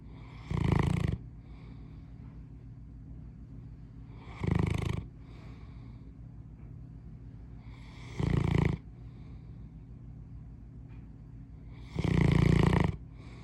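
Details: English Mastiff dog snoring in the morning: four loud, rumbling breaths roughly every four seconds, about 16 a minute, with quieter breathing between; deep, steady snore.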